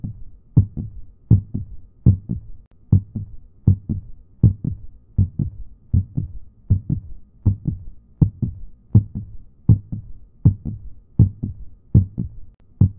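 Steady paired low thumps, about 80 beats a minute, regular rhythm: a heartbeat.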